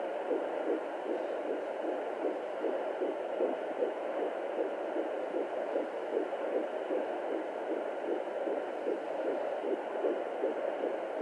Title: What a heartbeat sounds like at 14 weeks pregnant